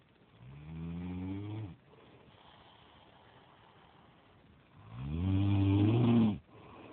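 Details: Adult man (boyfriend) asleep: two loud, low, rattling snores on breathing in, separated by quiet breathing out; ordinary snoring.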